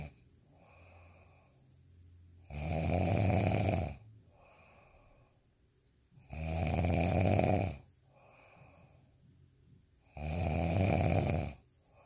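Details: Ordinary heavy snoring: three loud, rattling snores on regular in-breaths, about 16 breaths a minute, with quiet out-breaths between.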